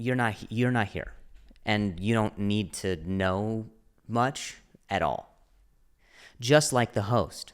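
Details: Stuttering (speech impediment) in an adult male comedian who stutters, speaking spontaneously and solo on his own podcast.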